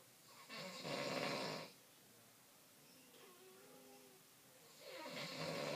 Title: French snoring